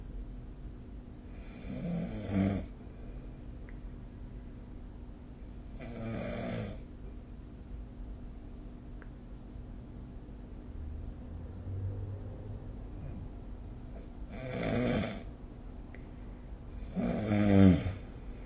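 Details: Snoring recorded with SnoreLab app during sleep: rough, rattling snores every few seconds, about four in 18 seconds, over a steady low room hum.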